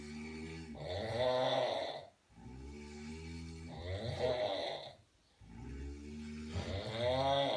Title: 2 men who are snoring like cows (must watch)😂😂